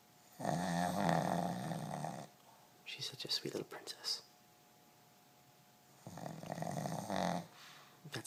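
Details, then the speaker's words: Female pug asleep after a busy day in the workshop: loud, long, fluttering snores separated by snuffling breaths, typical noisy breathing of a short-nosed breed; owner thinks she is dreaming; snoring. "somebody's dreaming boy she sure can snore her snoring is so loud I think she's running in Her"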